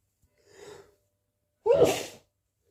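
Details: A quiet sharp inward breath, then one loud wet sneeze; possibly from hay fever, itchy.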